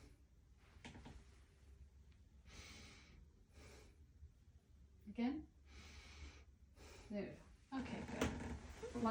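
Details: Normal breathing with clear lungs during a head-to-toe assessment: several slow, deep breaths in and out through the mouth, with brief speech between them in a quiet room.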